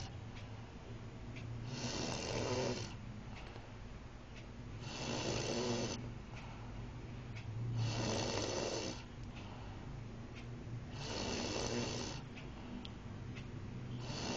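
Loud, harsh snoring on each breath, about 20 a minute, over steady room hum; snoring during sleep.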